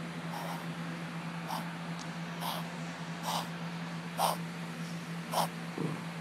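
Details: A dog makes a run of short, snorting inward gasps, about one a second; owner says he has been doing this a lot lately and asks if it is concerning; reverse sneezing.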